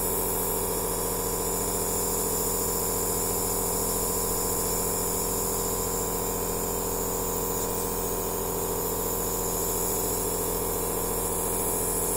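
Steady, loud buzzing hum of a running compressor with no pauses; a nebulizer in operation.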